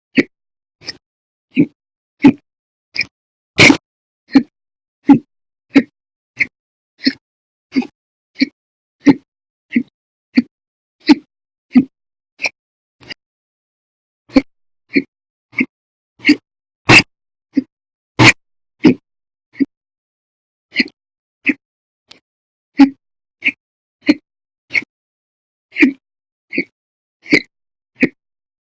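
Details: Persistent, violent, loud hiccups, audio only, lasting 13 hours 34 minutes on one day, recurring for over 5 hours daily: rapid, sharp hiccup sounds about every second with a brief pause.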